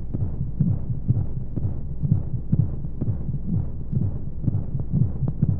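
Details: Baby sleep-aid womb sound with white noise: muffled, whooshing low heartbeat thumps about 125 a minute under steady noise, as heard from inside the womb.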